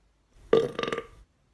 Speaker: let's do a burp contest oh my goodness this will be fun watch this